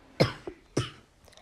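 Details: Sick child girl with a high fever coughing while narrating a game: two short, sharp coughs with a faint throat sound between them.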